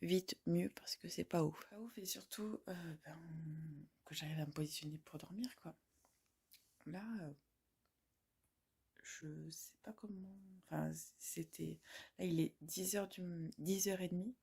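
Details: Woman, a student and mother, with stuttering and speech blocks that she says worsen with background noise; she calls it a lasting brain dysfunction and is considering a speech therapist assessment.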